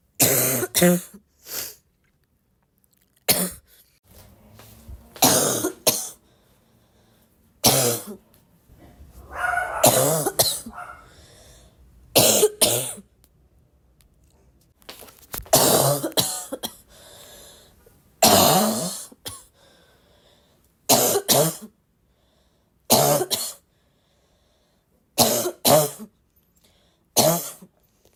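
About twenty harsh, abrupt coughs, often in pairs, with a barking quality and quiet gaps between them.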